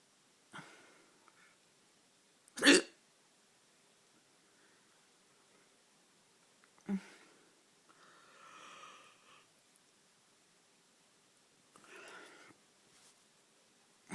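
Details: Four sharp, brief hiccups in a quiet room at night, a few seconds apart, with soft breathing between them.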